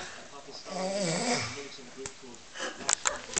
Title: power snoring